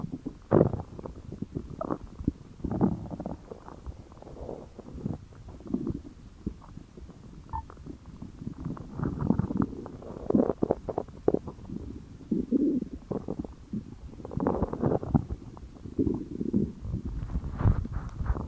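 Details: Hunger-related stomach growling (borborygmi): repeated low gurgles and rumbles that come and go, with bubbling, squeaky runs; normal gut activity.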